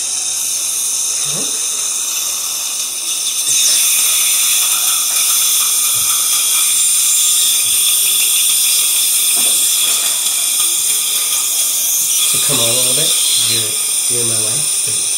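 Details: Dental implant at site #30 in an adult female dental assistant, 5.0 x 10 mm Nobel Active implant planned from preoperative scan: steady high-pitched drill whine with loud water spray hiss and suction, faint voices.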